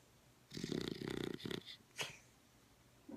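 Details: Dog snoring: a loud fluttering, rattling breath followed by a short snort in a quiet room.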